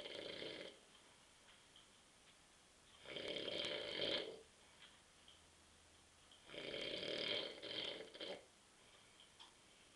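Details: Adult man (husband) asleep on a sofa on a Saturday night at 9:30 pm after drinking too many beers; loud rattling snores on breathing in, about three over ten seconds with quiet pauses; ordinary heavy snoring during sleep.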